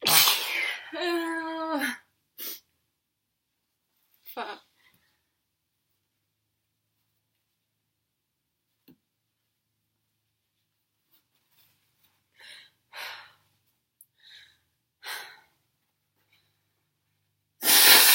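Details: Girl's sneezing fit after using something that burns and makes her cry: an opening voiced sneeze, then a series of small, muffled, stifled sneezes and quiet breaths in a small room.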